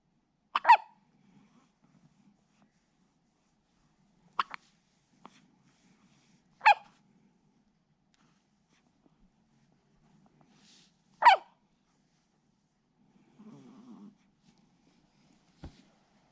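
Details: Hiccups in a little one: five short, sharp hiccup sounds at irregular gaps over about 16 seconds against near silence.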